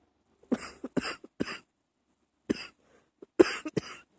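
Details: Early-morning coughing held back to stay quiet: short, muffled, dry-sounding suppressed coughs in brief clusters with quiet pauses between.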